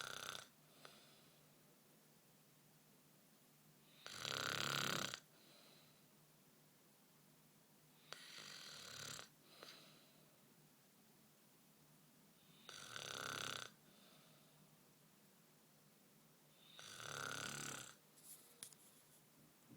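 Four rasping snores on the in-breath, one about every four seconds, roughly 14 breaths a minute, in a quiet room; ordinary snoring.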